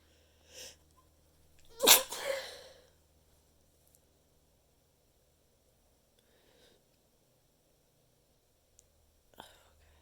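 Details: Deliberately stifled, muffled sneezing into a handful of tissues, which worsened nasal stuffiness: a brief in-breath, then one strong stifled sneeze with a short trailing burst and a second small muffled sneeze, in a quiet room.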